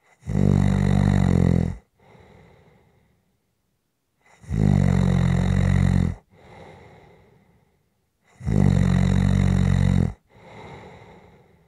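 Loud, deep rattling snores on each in-breath with a softer out-breath, about every four seconds, roughly 15 breaths a minute. Typical snoring.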